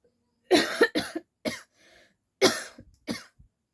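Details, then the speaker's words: Deliberately acted coughing: about five short, harsh coughs in quick bursts with brief breaths between groups; the fake coughing was turning into real coughing and a sore throat. "तो चलिए और हम नहीं ज्यादा खास सकते क्योंकि खाते खाते मेरा सचमुच का खासी आ रहा है"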